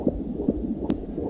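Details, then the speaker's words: Fetal heartbeat on ultrasound in early development: rapid, regular whooshing pulses at about 150 beats a minute. "Estamos escuchando el latido de un corazón en una ecografía."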